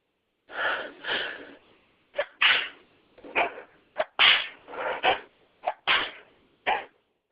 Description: Me sneezing